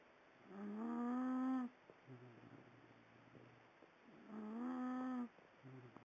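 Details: Two drawn-out, tonal snoring breaths about four seconds apart with quieter rumbling between, an animal snoring asleep in bed after reportedly smoking crack all night through an old coke can.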